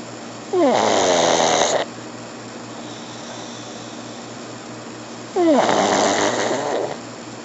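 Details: Pug snoring: two loud, rattling snores about five seconds apart, each opening with a brief whistling rise, over quiet room noise; snoring in a small flat-faced dog.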